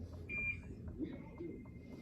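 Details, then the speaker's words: Woman in labor being induced, epidural wore off, can move both legs and feels everything: single short electronic epidural pump beep after pressing button, meaning no dose given (two beeps means dose delivered). "That 1 beep, yeah, I get nothing. I've been trying to press it because I literally feel everything."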